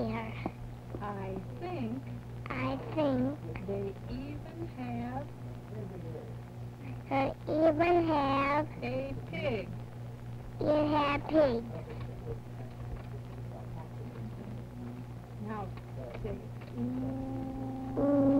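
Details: Speech sample recorded during a cineradiographic (X-ray) examination of the velopharyngeal mechanism, demonstrating good velopharyngeal closure; normal oral resonance (adequate velopharyngeal closure).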